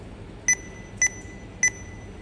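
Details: Three short, high, evenly spaced electronic beeps over quiet room hum: keypad tones from a PCA/PCEA infusion pump being programmed with continuous rate 6 micrograms per hour and bolus 16.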